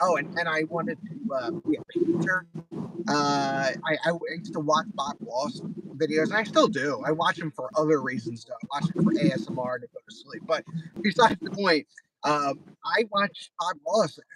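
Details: Male diagnosed with mild Tourette syndrome less than 10 years ago, with a speech impediment since childhood plus eye and shoulder tics, said by neurologists to be stress related; disfluent speech (repetitions and prolongations).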